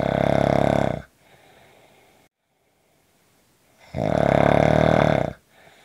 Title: Short snoring Audio